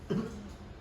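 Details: Simulated nursing demonstration of effective cough training for a seated adult male patient after a drink of water and repeated deep-breath-and-hold cycles: one short, deliberate cough to expel sputum.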